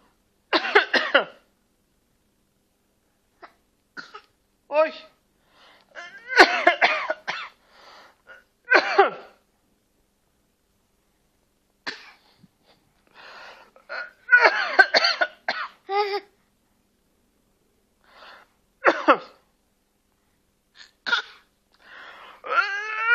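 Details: Young child makes short, forced cough-like bursts in a quiet room, playfully imitating a parent's cough; imitated (fake) cough.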